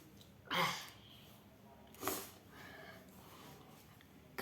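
Two short explosive bursts about a second and a half apart, heard over quiet room noise: an adult coughing twice.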